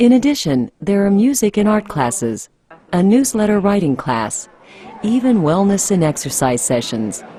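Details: Adult female narrator; normal speech.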